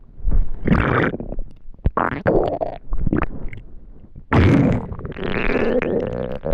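Gurgling, squelching rumbles rising and falling in bursts, with brief pops between them: loud stomach rumbling (borborygmi) from hunger, a normal sound.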